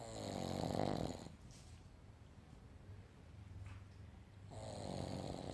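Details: Sleeping Boston Terrier, a small flat-faced dog: two loud rattling snores separated by a quieter pause in breathing; snoring.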